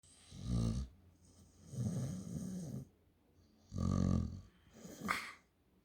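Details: Dog snoring while asleep: three deep, rattling, low rumbling breaths with quieter pauses between.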